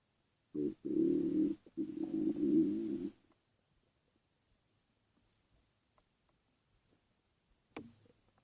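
Low, gurgling growls lasting a few seconds, then quiet in a still room. Ordinary stomach growling from gas and fluid moving through the gut.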